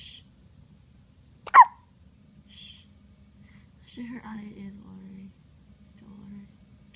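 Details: A single sharp, loud hiccup in a quiet room, followed by soft whispering and shushing.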